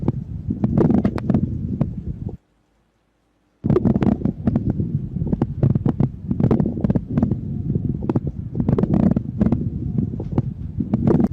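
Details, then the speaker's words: Coarse crackles (moist rales): air moving through secretions in bronchi and alveoli, irregular in loudness, high-pitched, gurgling like mixed air and fluid, heard at the start of inspiration and expiration. "À tiếng của nó thì nó có cường độ to nhỏ không đều âm độ cao âm sắc như tiếng lọc sọc của khí và dịch pha trộn với nhau. Các bạn sẽ nghe thấy ở đầu thì hít vào và đầu thì thở ra."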